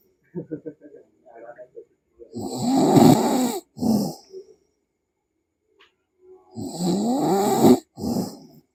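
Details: A sleeping adult snoring: loud, rough vibrating inhalations each followed by a short snorting exhale, twice, with fluttering sounds before them.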